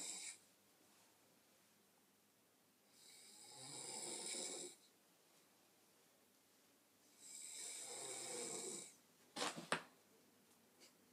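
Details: Sister snoring while asleep.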